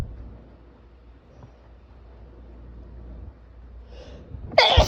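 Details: After a quiet stretch with steady low background rumble on a rainy evening, a brief breath in leads into one loud, explosive sneeze at the very end.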